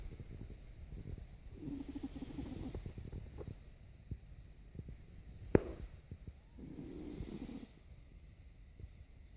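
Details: Two low, rumbling snoring breaths with soft snorts and a sharp click between them, over quiet room noise; snoring.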